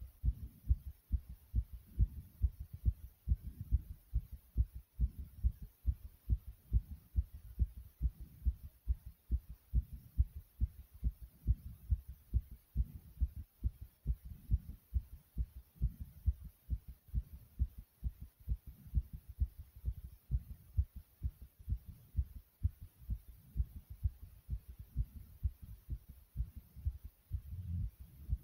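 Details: Own heartbeat with breath sounds: strong, regular, very thumpy low heart thumps with soft breathing swells underneath.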